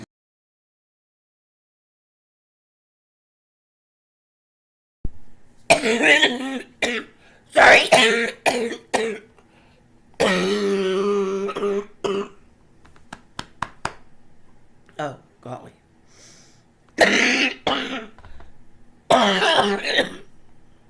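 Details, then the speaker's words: Real 2017 recording of an adult with COPD having a COPD event: repeated harsh, wet coughs in clustered bursts with strained gasping breaths between: coughing fit. "The next thing you will see is me having a COPD event. It's not pleasant, but it is real. And it was from 2017."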